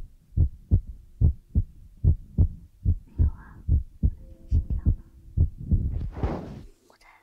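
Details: ASMR ear-massage recording with feather rod and brush sounds; regular low thumping beats about 72 a minute, then brushing and rustling near the end: steady heartbeat.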